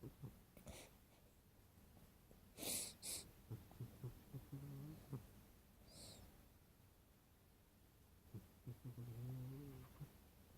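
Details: Cat napping on its owner after running in from the rain: low, rumbling snores with a few louder drawn-out snores and brief rustling in between.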